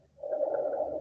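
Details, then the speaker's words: Rhonchi from secretion in the bronchi moving as the patient breathes in or out, which may clear with coughing: a low-pitched, continuous snoring or rumbling breath sound. "a los ron cantes en otros nombres roncus hay un orgullo entonces porque esta edad porque hay una secreción en el bronquio entonces esta secreción cuando el paciente inspira o espira se escucha y parece eso esta secreción que se mueve"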